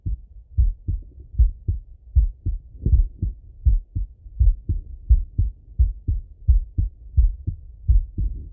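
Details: Male heart auscultated with a stethoscope: clear lub-dub at about 85 beats a minute with steady rhythm; normal heart sounds.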